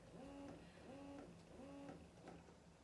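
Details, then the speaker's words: Baby Buddha electric breast pump demonstrated across its suction levels 1 to 5: a quiet motor with a rising and falling whine repeating about every 0.7 seconds as the suction cycles. "And then also I wanted to show you that there's 5 different levels with this pump, which is nice if you need a stronger suck."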